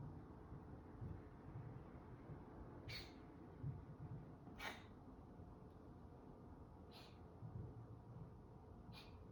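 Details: Cat gives four brief, soft, airy coughs spaced about two seconds apart over quiet background noise.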